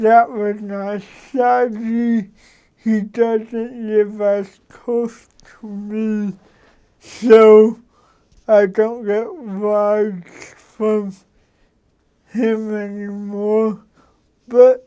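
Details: Adult man who has lived with cerebral palsy, a neurological disorder, for 53 years; real, unacted speech showing dysarthria due to cerebral palsy.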